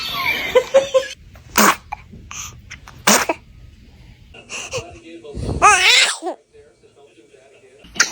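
A series of small, sharp sneezes followed by a short vocal sound, with adults laughing and talking nearby; infant sneezing.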